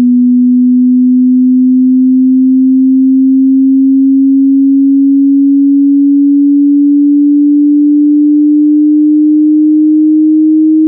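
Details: Steady low pure tone rising slowly in pitch, part of a frequency sweep for a self hearing test played over headphones; typical audible range depends on age (about 20-50 Hz low, 11-16 kHz high).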